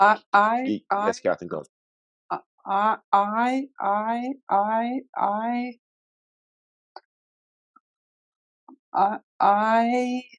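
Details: Adult webinar moderator who stutters, with part-word and word repetitions and fillers: stuttering.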